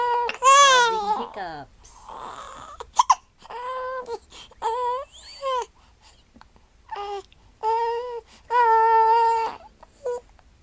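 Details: Infant girl crying while having hiccups: repeated wailing bursts separated by short gasping catches.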